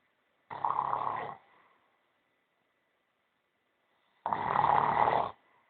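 Two loud, harsh, rattling snores about four seconds apart, with silence between them: snoring.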